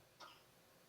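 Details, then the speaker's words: Infant girl, sick, heard through a phone used as a nanny cam: a single brief, faint cough over quiet room hiss; cough. "Oh, she's coughing. You hear how sick my baby is?"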